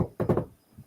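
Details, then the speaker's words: Quick, soft galloping thumps of a fetal heartbeat recorded the day before birth, played back through a phone speaker in a small room; described as fast, like a horse running. "i have a recording on my phone of maddie's heartbeat before the day before she was born and it sounds like it sounds like this oh it's fast right yep"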